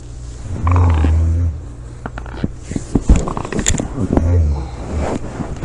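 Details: Person sleeping, recorded July 25, 2017: two loud, low, rattling snores on inhalation with quieter breath noise between them; heavy snoring.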